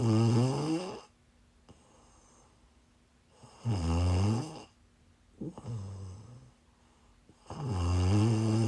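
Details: Snoring while sick, recorded during a live stream: loud, rough, low snores on each breath in, about 15 a minute, with quiet pauses between them.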